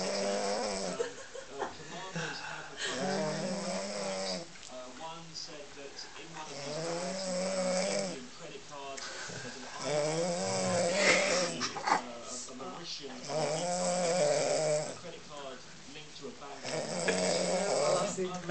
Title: power snoring